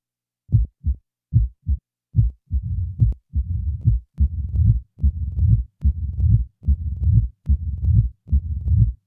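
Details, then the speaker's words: Simulated mitral stenosis heart sounds at about 72 beats a minute: loud first sound, low rumbling mid-diastolic murmur introduced after the first few cycles, then presystolic accentuation and an opening snap added. "a loud first sound is followed by a mid-diastolic murmur the murmur will be introduced after the first few cycles now a pre-systolic accentuation is added followed by an addition of an opening snap"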